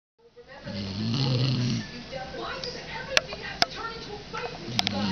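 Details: Dog napping after the dog park snoring: one rough, low snoring breath followed by quieter breathing noise and a few sharp clicks in the room.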